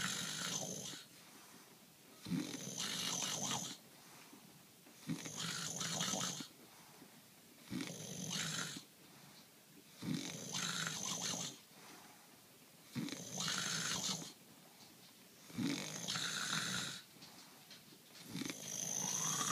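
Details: Adult man (husband) snoring during sleep: loud, rough snores about every two to three seconds, roughly 22 a minute, with quieter breaths between; ordinary heavy snoring.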